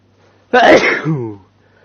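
A single loud, explosive sneeze with a voiced tail.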